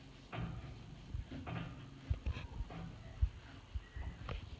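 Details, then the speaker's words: Normal gut sounds (borborygmi) of a mare, heard directly while listening to the upper then lower quadrants of one flank: low, irregular rumbles and gurgles with occasional soft pops, plenty of gut activity. "I'm going to clear up a spot let her know I'm here and just listen so I hear plenty of girls up here so that's really good i'm going to listen lower again being really careful and I already hear stuff down here too"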